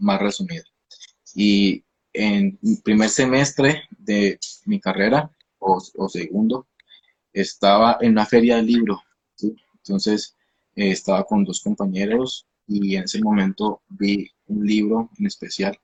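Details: 29-year-old man, a speech-language pathologist who stutters; onset at age 13, linked to emotional upheaval around a hospitalization, with a genetic component since his father also stutters; stuttering.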